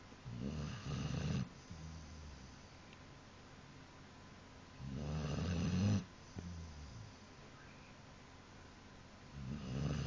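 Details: Snoring from a sleeping dog: low rumbling snores about every four to five seconds in a quiet room, with soft breathing between them.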